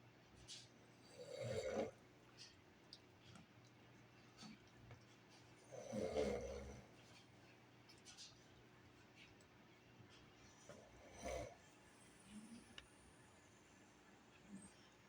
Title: Snoring Beast